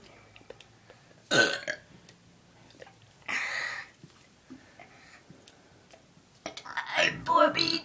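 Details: Three loud belches with quiet breathing and faint sounds between them; deliberate burping.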